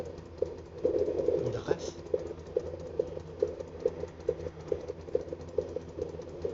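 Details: Fetal Doppler at 22 weeks of pregnancy: regular, rapid thumping pulses at about 140 beats a minute over steady hiss; fetal heartbeat in the normal range.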